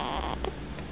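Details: Snoring.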